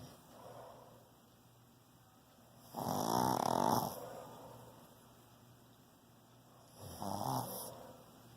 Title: Who Snores louder?